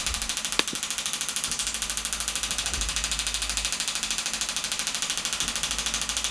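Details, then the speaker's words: Radial shockwave therapy at the hamstring origin over the ischial tuberosity with gel, for hamstring tendinopathy, 2,500 pulses at 12 Hz and 2 bar: fast, even train of sharp ticking pulses over a steady hiss. "Shockwave therapy for hamstring tendinopathy. For this condition we're going to use 2,500 pulses, starting off at a frequency of 12 Hz and an energy of 2 bar."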